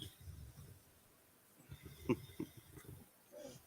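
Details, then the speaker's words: Sleeping male pet snoring with his nose pushed into the owner's belly, muffled against the body: soft rumbling snores and snuffling breaths in a quiet room; snoring. "got his nose pushed right into my um belly so it sounds even worse I can just hear my belly vibrating with be snoring"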